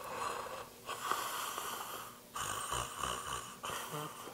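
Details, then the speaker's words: Adult imitates noisy, fluttering snoring breaths with the jaw fallen back (slack-jawed) as in deep sleep, when airway and jaw muscles relax; precursor to snoring in obstructive sleep apnea, without an oral appliance. "the precursor to snoring It gets worse at night, of course, because these muscles collapse as well."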